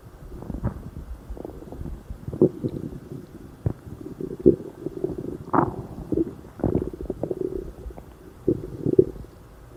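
Loud, frequent gurgling and rumbling bowel sounds with bubbling pops and squeaky runs throughout, typical of active stomach growling (borborygmi).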